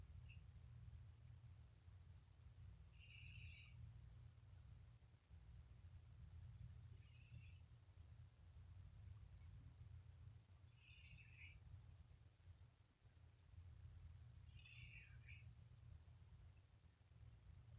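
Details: Four brief, thin, whistling snores about every four seconds, roughly 15 breaths a minute, from a napping tabby cat over a steady low hum; human-like cat snoring.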